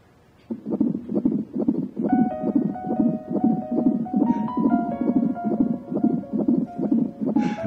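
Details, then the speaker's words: TV drama scene at a prenatal check: rapid, steady whooshing pulses at about 136 a minute on Doppler, with music over it; the doctor says it beats very steadily: normal fetal heartbeat. "çok kararlı atıyor bunun üzerine bir şey söylememe gerek yok ha"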